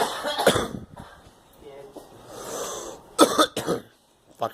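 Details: Girl coughing several times in short, sharp bursts, with faint room noise between them.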